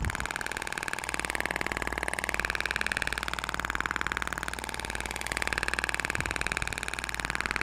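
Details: Thork IBRAMED shock wave therapy applicator firing continuously, rapid steady mechanical tapping about four pulses a second over a low hum, during facial treatment along the zygomatic region toward the submandibular area, energy at minimum.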